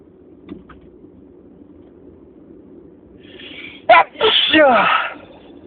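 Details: Spring allergy sneezing fit, a very long attack: after a quiet stretch, a loud forceful sneeze followed by a noisy exhaled burst.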